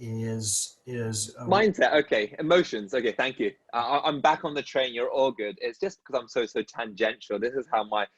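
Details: Adult dentist who stutters, in conversation with another dentist who stutters, with audible part-word and word repetitions; stuttering.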